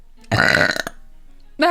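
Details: One loud, rumbling voiced belch about half a second long from a female streamer, followed by a short pause and speech; burping.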